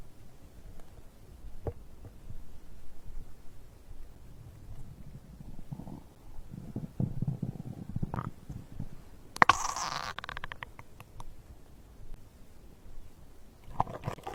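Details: Stomach growl after drinking a beverage: low, irregular gurgling and rumbling with a few sharper squeaks, ordinary digestion bowel sounds.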